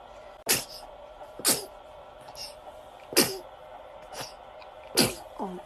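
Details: A baby sneezes four times in quick succession, small sharp bursts a second or two apart, on waking when the morning light is too bright.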